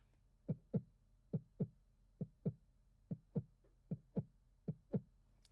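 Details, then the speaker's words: Steady paired lub-dub heartbeats at about 70 beats a minute, demonstrating normal heart sounds as heard by stethoscope: the lub is S1 and the dub is S2. "We describe that as a lub-dub sound. So there are primary heart sounds, also known as S1, which is that lub sound."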